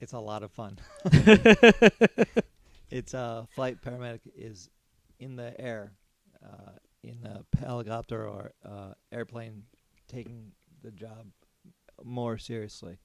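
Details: Aphasia with word-finding difficulty in an adult man, a former paramedic, after a stroke during surgery about eight and a half years earlier.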